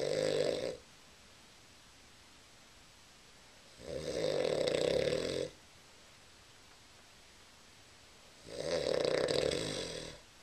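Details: A sleeping man is told to roll over because he is snoring, recorded on a Flip Video camera: loud, rough snores about every four seconds, roughly 14 a minute, separated by quiet pauses.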